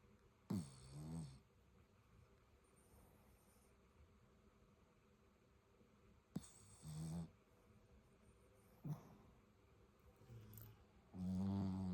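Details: Loud, rattling snores from sleeping Shih Tzu dogs, several snore bursts separated by quiet pauses.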